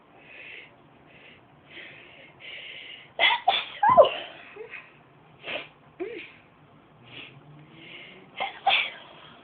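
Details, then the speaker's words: Young woman deliberately inducing sneezes by tickling inside her nose with something rolled up: a cluster of sharp, explosive nasal sneezes, then another after a pause, with breathing and sniffing between. "You just take this thingy right here, put it up till you hit that tickle spot. Just tickle it real hard."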